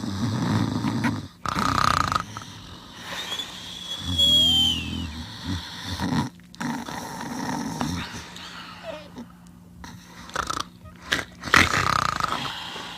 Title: Spyro Snoring